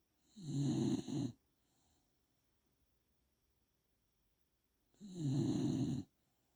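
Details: Two gentle, fluttering snores about four seconds apart from a dog sleeping soundly, with quiet pauses between them.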